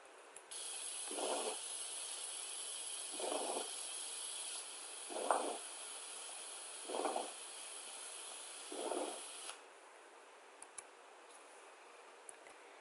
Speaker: Rhonchi are loud and rumbling sounds similar to snoring and are caused by sputum obstructing the bronchial tubes. This breath sound is heard in patients with COPD or cystic fibrosis.